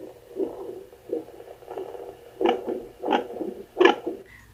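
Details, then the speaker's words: Heartbeat on a handheld home Doppler held straight against an adult woman's chest: rhythmic whooshing pulses at about 86/min. She is not pregnant, has no hCG, and reports heart arrhythmias and palpitations; she notes a slightly different sound. "I do have like some heart arrhythmias and heart palpitations and I wanted to point those out so you guys can notice there's a little different sound in my heart here"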